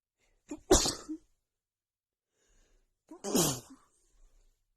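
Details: Two full sneezes from a woman with a bad, stuffy head cold, each with a short in-breath before the burst; part of a compilation of cold sneezes, some messy.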